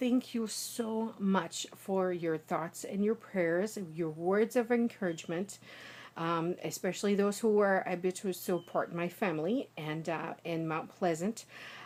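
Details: Adult woman, native American English speaker, with foreign accent syndrome after a small ischemic stroke on 10/24; accent was at first heavily Eastern Russian, and 6 days post-stroke it is a lighter, general European-influenced accent.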